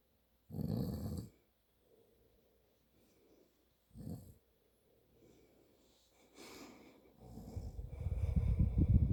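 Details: Father snoring in sleep: irregular low rumbling snorts and snores separated by quiet pauses, building to a louder rattling snore at the end; snoring.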